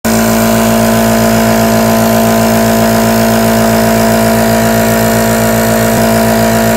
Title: HD Nebulizer Aerosol Sounds| ASMR Sleep| OVER 200,000 views 👍